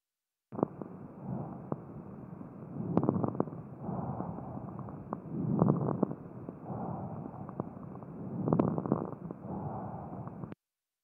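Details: Teaching recording for a lung consolidation syndrome (pneumonia) in the resolution stage: harsh, loud bronchial breathing with scattered crackling pops, moist rales and late inspiratory crackles, about 20 breaths a minute.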